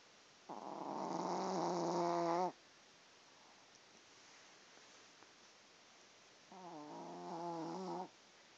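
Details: Two drawn-out, buzzy snores with a quiet pause between them from a sleeping pet, possibly a cat; snoring.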